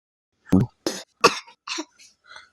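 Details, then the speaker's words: A young girl coughing since the morning, blamed by the child on eating chocolate: a run of about five short coughs, the first sharp and loud, then fading. "खांसी क्यों आ रही है? खासी आ रही। क्यों आ रही? Chocolate खाई तो आ रही है।"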